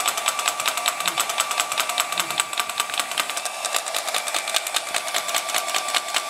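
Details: SW14 three-in-one shockwave machine: rapid, regular sharp tapping pulses, about 150 a minute, with a faint steady whine and music behind.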